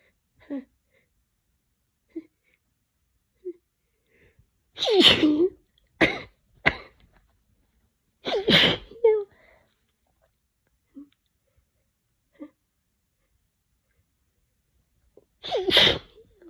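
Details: An adult with a cold gives about five forceful, wet, messy sneezes, each preceded by short catching inhalations.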